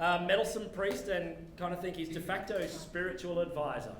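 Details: Adult male speaker; normal voice.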